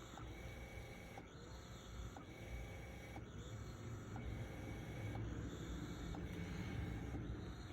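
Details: Unimom Opera portable dual-motor rechargeable breast pump running in alternate mode around level 30 after synchronous mode: rhythmic motor whirring with suction cycles about once a second over a low hum.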